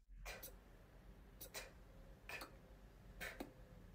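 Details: Weak, breathy beatbox sounds, only very faintly audible, from a 24-year-old patient with rhinolalia after tonsillectomy and global oropharyngeal hypotonia, recorded early in beatbox-based speech therapy; finding: oropharyngeal hypotonia.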